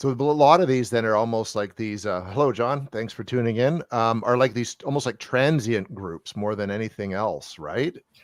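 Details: Adult male speaker; typical speech.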